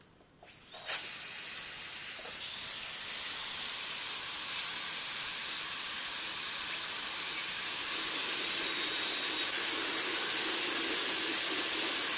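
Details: Dental handpiece on a mannequin, not a real patient: a few clicks, then a steady high hiss with water spray while composite resin fillings in cavities between the front teeth are shaped and polished.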